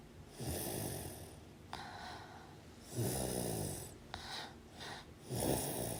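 Repeated rattling snores with hissy breaths between them, several in six seconds. Ordinary sleep snoring.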